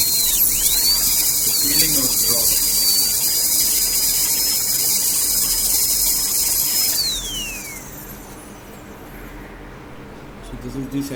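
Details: Dental drill during root canal treatment of curved canals: a steady high-pitched whine running for about seven seconds, then winding down.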